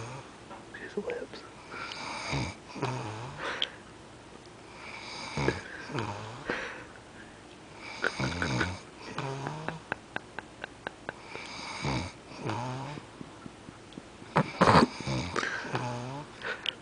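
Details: Man dozing, heavy snoring: repeated rough, fluttering snores about every 3 seconds, roughly 18 a minute, with some flapping on breathing out.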